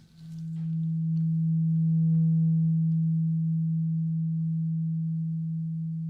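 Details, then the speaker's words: Role-played ASMR ear exam, simulated: a steady low ringing tone of a struck tuning fork, slowly fading, in a hearing test; the listener, eyes closed, says when the sound stops. "Now, tell me what ear you hear the tuning fork."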